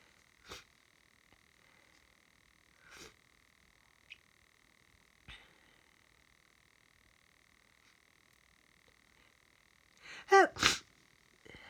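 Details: Sniffs and short catches, then a quick cluster of two or three wet sneezes, steady background hum, from an adult with hayfever after garden work: sneezing.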